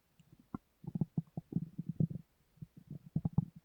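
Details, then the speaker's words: Woman sleeping with mouth open; her stomach grumbles heavily: quiet low gurgles and bubbling rumbles in irregular bursts in a still room, stomach rumbling (borborygmi). "Can you believe me now when I say my stomach grumbled too much?"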